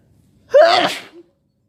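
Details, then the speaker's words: Sick person sneezing all day, with a headache: a single forceful sneeze with a sharp voiced onset and a short trailing breath, part of an intense sneezing fit. "Oh God, my head hurts. I've been sneezing all day."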